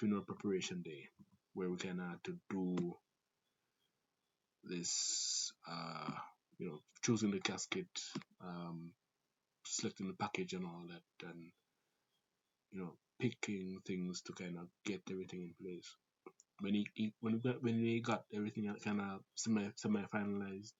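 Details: Adult Jamaican man with a family-inherited stutter (grandfather, father, siblings), who also reports talking fast; stuttering.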